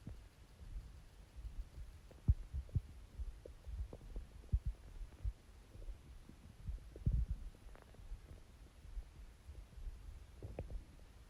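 Soft, irregular gurgles and watery rumbles from the abdomen over a quiet background hum: ordinary stomach growling.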